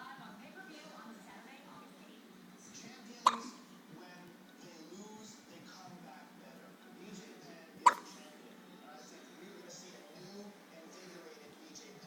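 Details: Infant hiccups: two sharp, brief hiccup sounds about four seconds apart, over quiet background voices and soft music.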